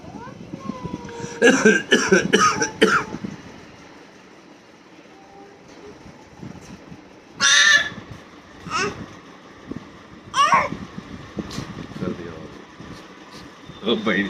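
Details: Adult father coughing harshly a few times, then baby copying him with short cough-like bursts; playful imitation, not illness.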